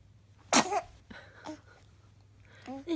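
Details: Infant sneezing: a small sharp burst of air, then soft vocal sounds; a baby's sneeze.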